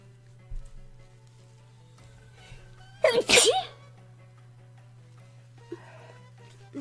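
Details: Single loud adult sneeze with sharp intake and burst, over soft background music and room noise.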